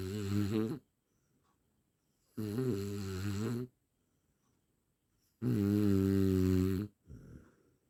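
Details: Heavy snoring from a snoring sound-effect track: three loud, rattling snores on breathing in, separated by quiet pauses, about 20 breaths a minute.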